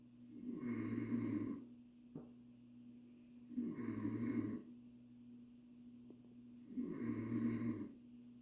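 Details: Mother snoring around 1 a.m.: loud rattling snores on each breath, three over eight seconds, about 21 breaths a minute, with a steady hum in the room.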